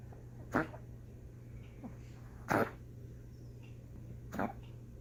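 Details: Dog named Chewy in a coughing fit: three sharp, forceful hacking bursts a couple of seconds apart, with a steady hum behind.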